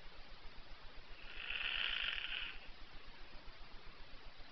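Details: Snoring: a single quacking, nasal snore rising and fading over about a second and a half against steady low background noise.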